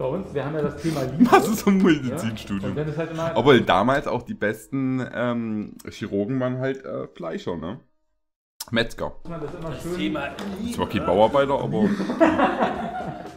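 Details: Adult man speaking German; normal conversational speech.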